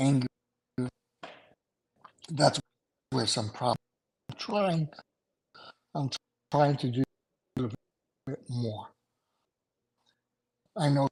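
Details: Aphasia in an adult male after two strokes in November 2017, with short-term memory problems, right-sided weakness, an unusable numb right hand and ten seizures since the strokes.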